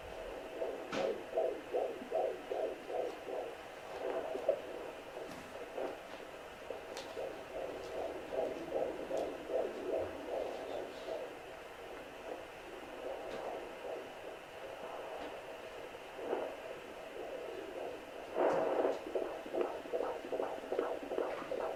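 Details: Home handheld Doppler on the abdomen of a woman pregnant with her tenth child: fast, rhythmic whooshing pulses fading and returning as the baby moves, consistent with fetal heart tones around 150 a minute.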